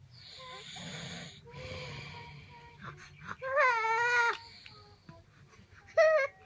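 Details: Low rough snoring from a father, then short sharp cries from his 4-month-old baby sleeping beside him, startled awake and unable to sleep: infant cry.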